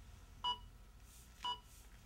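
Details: Two sharp electronic beeps about a second apart over faint room noise: an AED Plus Trainer 2 metronome pacing chest compressions during a simulated training scenario after a shock was delivered; CPR metronome beeps.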